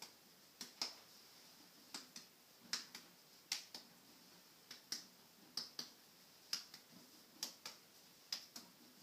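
Sharp, regular tapping, about thirteen taps in pairs, in a quiet room; percussion of the front of the chest during a routine exam.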